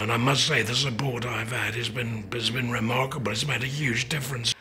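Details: Male after laryngectomy for laryngeal cancer that did not respond to radiotherapy; speaks with a TEP valve, which acts as a false vocal cord; he says his voice is still recognisable as his own; tracheoesophageal speech after laryngectomy.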